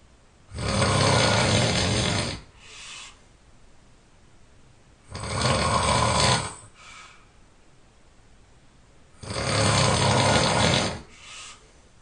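Loud, harsh rattling snores on each breath in, about 14 a minute, with a softer breath out between them.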